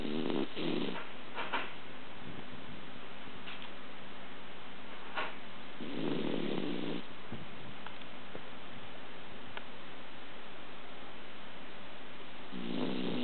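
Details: Male Pomeranian dog passed out asleep, snoring with soft, low snores recurring every few seconds over a faint steady room hum.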